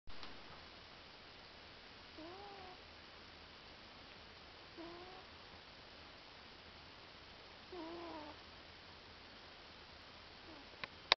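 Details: A pet cat snoring while asleep; snoring.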